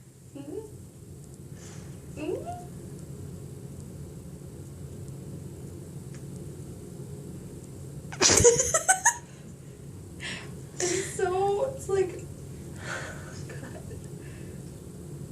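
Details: A sharp, loud sneeze burst midway, done with the eyes open, with brief voice sounds before and after in a quiet room: sneezing.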